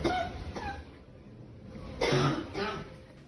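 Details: Coughing of COVID-19 patients lying on the floor of a Madrid hospital corridor: two or three harsh cough bursts against muffled room noise.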